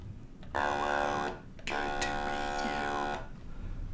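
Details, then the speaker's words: Demonstration of an electrolarynx held by a neck-mounted bracket and activated by a remote button, designed for laryngectomy patients before voice prosthesis: flat, buzzy, mechanical monotone speech. "now I will give a demonstration of our device in action after positioning the bracket appropriately on my neck I simply press the button and now the words that I want to speak"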